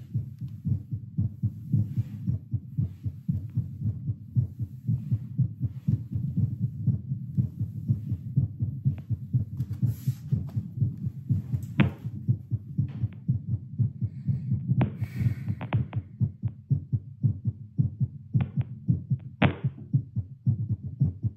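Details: An adult's own heartbeat through a Littmann CORE stethoscope after 10 squats: fast, strong, regular, about 120 a minute, with handling rubs, settling back toward a baseline of about 88; exercise-raised heart rate.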